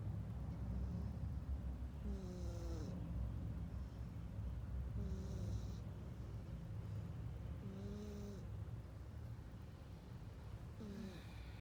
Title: 사람처럼 코골며 숙면 냥이 Cat snoring like a human (plz turn up the sound volume)